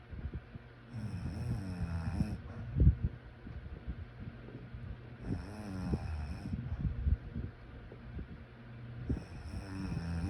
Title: Sleep snoring sounds